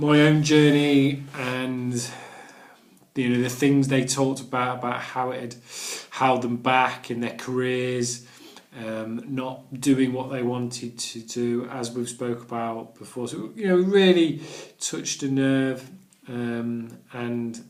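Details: Adult man who stammers and has done the Starfish Project stammering course, with word and phrase repetitions; stuttering.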